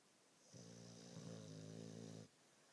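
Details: Snoring while passed out asleep after walking around all day: a single drawn-out, buzzing snore on an in-breath, lasting under two seconds, in a quiet room; snoring.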